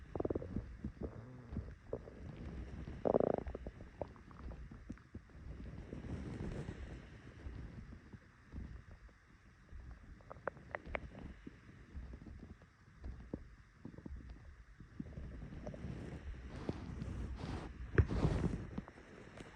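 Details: Morning stomach rumbling recorded on a phone just after waking: low gurgling and bubbling rumbles with brief crackly pops over faint noise; borborygmi.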